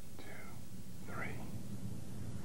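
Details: Posterior thorax auscultated with the stethoscope diaphragm while the patient whispers "one, two, three": two faint, muffled whispers with indistinct words over a low steady hiss. These are normal transmitted whispered voice sounds, with no whispered pectoriloquy.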